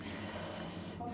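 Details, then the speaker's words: Cat with suspected feline coryza (herpesvirus), runny eyes, congested upper airways and no fever, placed on antibiotics for a possible secondary infection: a brief congested, snorting nasal breath. "mais ce qui est encombré c'est les voies respiratoires supérieures"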